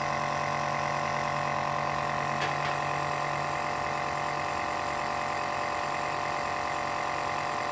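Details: Omron nebulizer used at home by an adult with asthma: steady loud mechanical hum and rattle of the compressor running continuously, the normal sound of a nebulizer in use.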